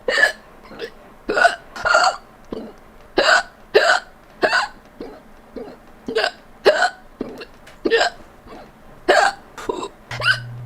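Repeated sharp, voiced hiccup sounds, roughly 15 in ten seconds at an uneven pace; ongoing hiccups.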